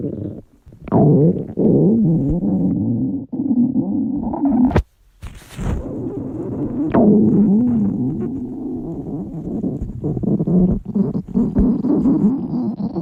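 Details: Girls' hunger stomach growling: loud, long, warbling gurgles and groans from the belly, rising and falling in pitch.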